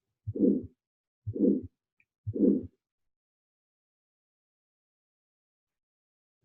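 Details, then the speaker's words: Three heartbeats at about 60 a minute, each with a whooshing systolic murmur filling the gap between S1 and S2, heard at the right second intercostal space over the aortic valve. Aortic stenosis murmur. "you can definitely tell that this is a love woosh dub this is a systolic murmur so it's in between s1 and s2"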